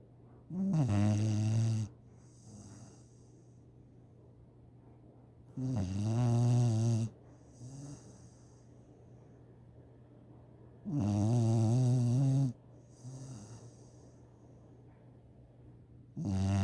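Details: Snoring: loud, rumbling snores on each in-breath, about every five seconds, with softer out-breaths between them.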